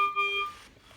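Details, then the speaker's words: Servo U ventilator on a pretend patient, with the temperature probe out of the circuit causing a leak: a brief electronic high respiratory rate alarm, as leak flow is read as patient-triggered breaths. "this right here is a temp probe sometimes the temperature probe can actually be out of the circuit so this will give you a leak - again it's saying you've got a high rate because"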